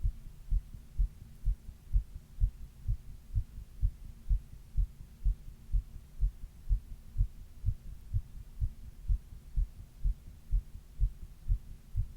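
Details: Adult's own heartbeat recorded over 28 minutes while reading, with a 102-degree fever during the middle third: regular dull thumps at about 125 a minute, a rapid rate during fever.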